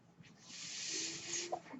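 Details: Podcast host's own mechanical ventilator heard in the background, a soft airy hiss swelling and fading over about a second as it delivers a breath; mechanical ventilator breath cycle.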